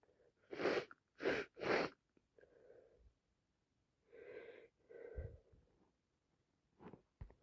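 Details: Day 3 of a common cold caught from a cousin, can't stop sneezing: a quick run of three sneezes, then wet congested sniffs and more sneezes with breathy gasps; sneezing with a common cold.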